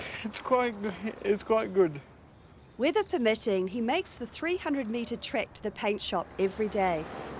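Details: Adult narrator; normal speech.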